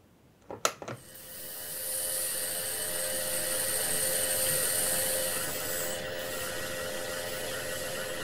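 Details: A few clicks, then a steady continuous hissing rush with faint even hum: an aerosol nebulizer running from an oxygen cylinder, recorded as white noise; nebulizer running.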